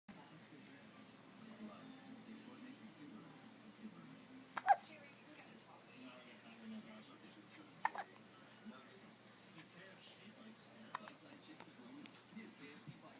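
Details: Soft, quick hiccups repeating a few times, seconds apart, against faint room noise and low talk; recurrent hiccups.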